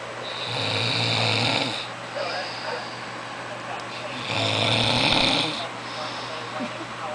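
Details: Two long, loud, rough rattling snores on the in-breath, about 17 breaths a minute, with quieter breathing between, from someone who didn't think he snored; snoring.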